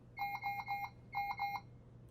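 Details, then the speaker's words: Two bursts of rapid high electronic beeps from a Puritan Bennett 560 ventilator while its alarm volume setting is adjusted in the menu; a normal device alarm tone during an alarm volume test. "Alarm volume, you can determine how loud you want the volume. So once again, I press the check mark button to get in there, and I can adjust how loud that volume is."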